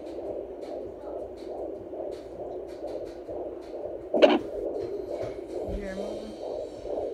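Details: Fetal heartbeat of a baby girl, heard at home with a Doppler: rapid, steady whooshing pulses at roughly 140–150 a minute, a fast heartbeat in the normal range, with the baby's movement also heard.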